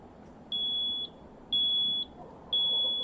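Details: ZOLL EMV+ mechanical ventilator alarm during a technical training demonstration: repeating high-pitched electronic tone, about one half-second beep per second, with faint room noise.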